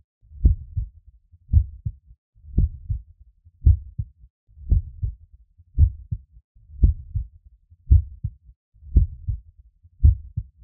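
Steady heartbeat near 57 a minute, each beat a clear lub then dub: normal first and second heart sounds.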